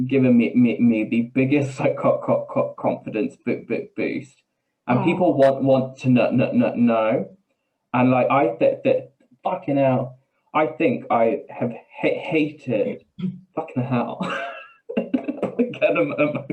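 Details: Man with Tourette's syndrome whose tics are involuntary swearing and blurted phrases in mid-sentence, with a stammer that worsens under stress; real, not acted; Tourette syndrome with vocal tics and coprolalia.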